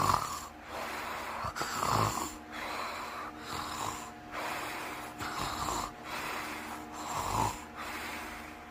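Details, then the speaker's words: Snoring in bed after running down a hill and up the stairs: repeated rough, snorting breath sounds roughly every two seconds over steady room hum. "And also, we're gonna run up the stairs in the house into my bed, snoring."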